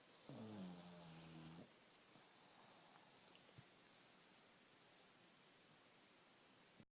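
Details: Pug snoring: one rattling, buzzing snore on a breath, then quiet breathing with room noise.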